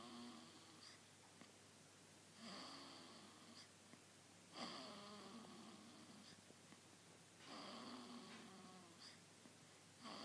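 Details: Baby (nephew) snoring "like an old man": soft, rhythmic noisy breaths every two to three seconds with a faint rattle on each; light infant snoring.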